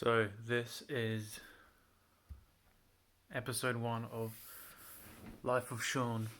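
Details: Man with a mild stutter since childhood, worse when nervous; it usually shows as pauses before anticipated syllables, which he avoids by switching words, or as syllable repetitions; stuttering.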